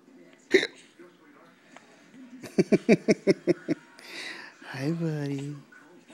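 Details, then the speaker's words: Baby with hiccups: a run of about eight short, sharp voiced hiccups in quick succession, followed by a vocal whine. "Hi, Oh, you got the hiccups? Whoa."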